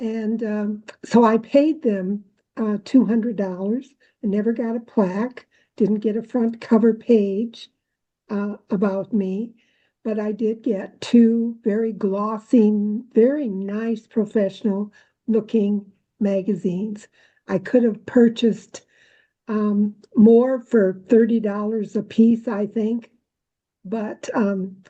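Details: Adult woman speaking; normal speech.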